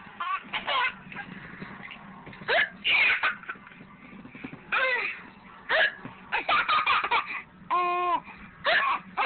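Giggling broken by repeated sharp, gulping catches in the breath; hiccups during laughter.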